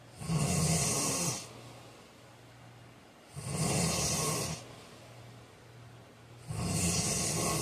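Loud rattling snores on each breath, about 19 breaths a minute, with quieter breathing between them.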